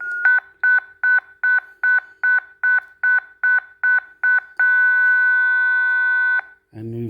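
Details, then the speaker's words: ZOLL M2 defibrillator switched from AED to manual mode and set to 150 joules: rapid repeated charging beeps, then a steady charged tone, then a brief low burst as the shock is delivered. "we can now deselect down to 150 joules and you can charge"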